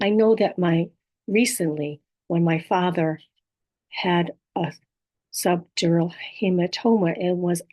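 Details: Adult woman with apraxia of speech, dysarthria and aphasia after a stroke; apraxia of speech with dysarthria and aphasia.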